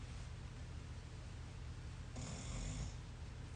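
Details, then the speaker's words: Sleeping dog: low rumbling snore over steady room noise, with one louder snorting breath near the end; ordinary snoring. "my dog snoring? She's ridiculous. No respect."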